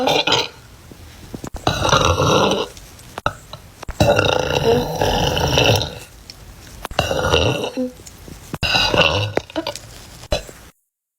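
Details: Several loud, long, rumbling burps from a girl separated by short pauses; repeated belching.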